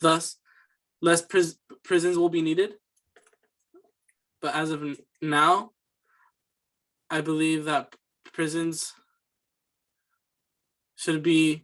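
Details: Student's fluency speech sample for a communication disorders class, answering interview questions: stuttering with repeated words and phrases.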